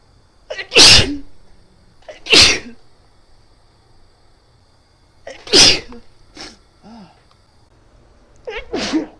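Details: Person inducing sneezes by sniffing black pepper and then poking the nose with a twisted paper towel: four forceful sneezes in about nine seconds, each preceded by a quick rising inhalation, with quiet vocal sounds between.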